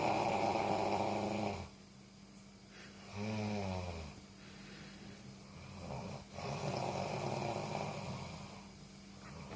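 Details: Loud, rattling, vibrating snores with each breath, separated by quieter pauses: snoring.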